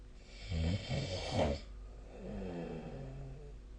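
A low, fluttering snort-like snore followed by a softer, drawn-out rumbling breath, over a steady low hum.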